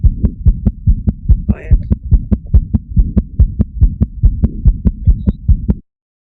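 Rapid, regular newborn heartbeat near 140 a minute over a low steady hum, from a patent foramen ovale.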